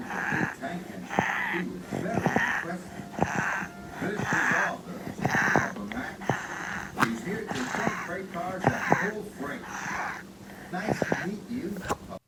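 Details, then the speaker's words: Child with croup in respiratory distress, using small muscles between the ribs, in the neck and abdomen to help breathe (retractions); real footage, shared with family consent; croup with respiratory distress. "ka hiahia ia ki te whakamahi i nga uaua iti i waenga i nga rara, i te kaki , i te puku, i te puku ranei hei awhina i a ia ki te manawa."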